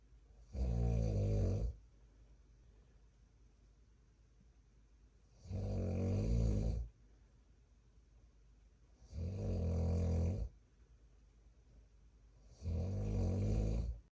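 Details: Father's snoring recorded alongside fetal movement at 33 weeks of pregnancy: loud, low, rattling snores on each in-breath, about four a minute here, with quiet pauses between.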